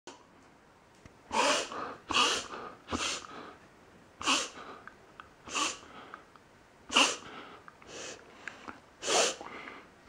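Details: A 7-year-old dog makes repeated harsh, noisy snorting breaths in an irregular run. Episodes have occurred now and then for several months, always at rest, and swallowing doesn't help. The owner thinks of reverse sneezing: paroxysmal snorting.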